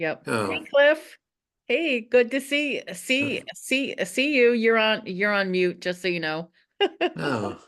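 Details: Stuttering in a woman who stutters; repeated syllables and words are heard.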